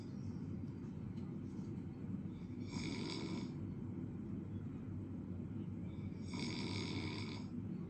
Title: Broccoli 🥦 Snoring 😴